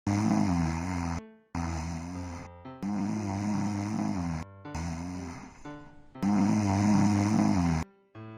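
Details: Long, loud, rumbling snores in repeated bouts over music, in an advertisement for an electric anti-snoring nasal device with silica gel and twin turbofans; heavy snoring.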